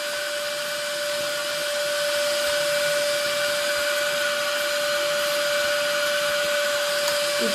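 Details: Vacuum cleaner fitted with an extension for cleaning baby noses: steady loud motor roar with a constant whine throughout.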